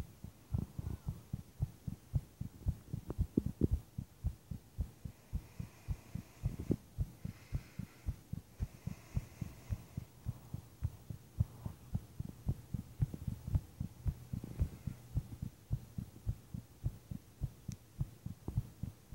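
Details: Person lying in bed with an unexplained pounding heart: strong, rapid, regular low thumps at about 110 beats a minute with a steady hum, recorded then dubbed over video.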